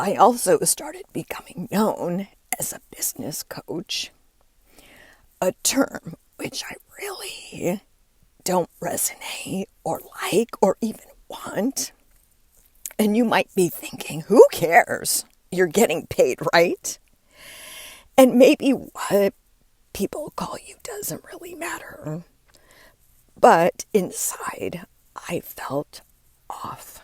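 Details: Adult woman with diagnosed spasmodic dysphonia, which she links to stress; her voice began to fail and she says it is still audible as she works through it; spasmodic dysphonia.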